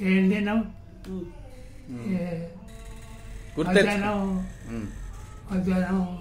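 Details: Adult client with Parkinson's disease, dysphonia, dysarthria and dementia, counting aloud forcefully during a voice therapy session; speech reported improved after therapy; hypokinetic dysarthria with dysphonia.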